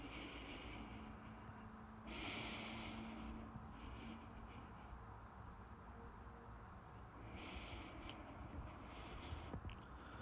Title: my visible heartbeat up close with heavy breathing #heartbeat #visibleheartbeat